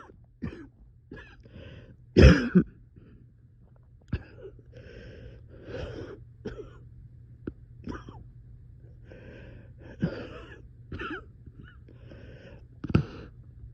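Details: Coughing fit at 3 am with repeated coughs and throat clearing, one forceful burst, and effortful breaths between; the person reports being very short of breath.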